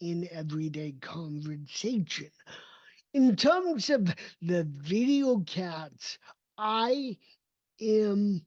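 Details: Adult male with cerebral palsy, a neurodevelopmental disability affecting motor development and movement; dysarthria (cerebral palsy).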